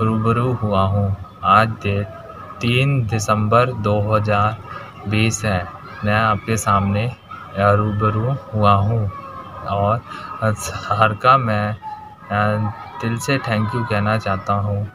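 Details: Stuttering in a man who has stammered since childhood, recorded on his second day of speech therapy, when he reports he can now speak more easily.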